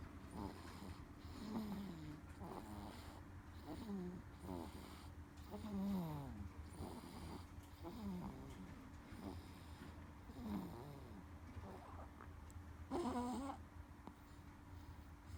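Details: Sleeping 1-month-14-day-old baby girl snoring: soft, rhythmic snoring noises with each breath over a steady low room hum.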